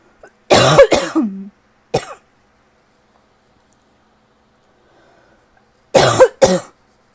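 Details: Two short bursts of dry, tickly coughs, five in all, separated by a quiet pause, from a person whose lingering cough is starting to get a little better; cough.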